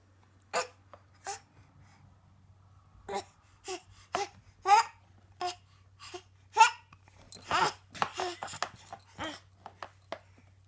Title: Drunk 7 month old baby and Weird hiccups